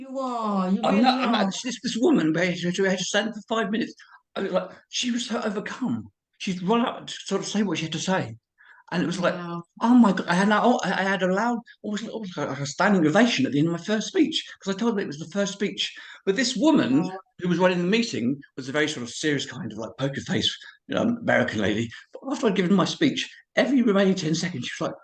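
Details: Man of about 51-52 with cerebral palsy and HIV, who reports a speech impediment and being unable to say certain words: dysarthria (cerebral palsy).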